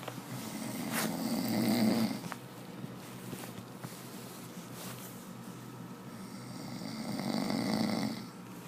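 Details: Person snoring: two loud, rattling inspiratory snores about six seconds apart, with quiet breathing between them.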